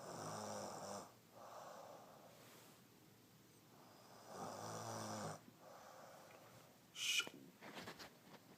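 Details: A female ('my baby') snoring heavily: rough snoring breaths with a brief high squeak near the end.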